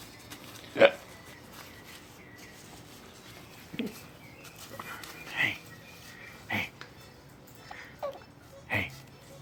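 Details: Baby niece with hiccups while babbling as if joining the conversation: about six short, abrupt little hiccup sounds at irregular intervals over nine seconds, with quiet room sounds between.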